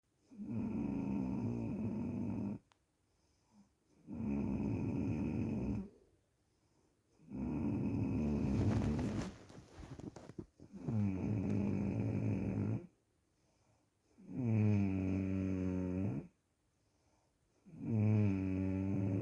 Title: snore (PART 1 PART 2 IN 3 DAYS)